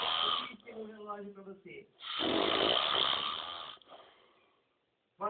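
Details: An adult man, the filmer's father, asleep with a groaning snore, then a long, harsh, rasping inspiratory snore that fades away; loud snoring.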